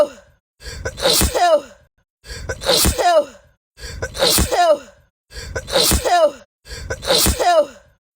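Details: Black woman's sharp sneeze on camera, a quick in-breath then an explosive burst, edited into a repeating loop five times; tagged allergies; ordinary sneeze.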